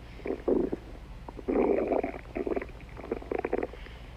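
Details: Stomach growling (borborygmi): several bursts of low gurgling and rumbling within a few seconds.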